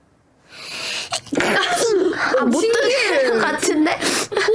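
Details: Habitual sneezing from a person with chronic rhinitis, said to be worse at the change of seasons.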